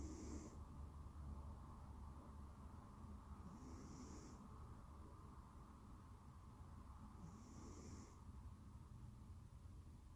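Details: Sleeping cat snoring: soft, rhythmic snores with breathy hisses roughly every four seconds over a low steady hum.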